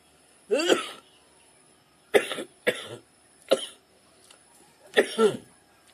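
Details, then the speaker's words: Five loud, harsh, productive-sounding coughs with a rough throaty tail over about six seconds from an adult ill for three days with suspected Covid-19 or dengue, hoarse voice, headache, body aches, shortness of breath. "I got this cough you can hear my voice and it makes my head pain and my body aching"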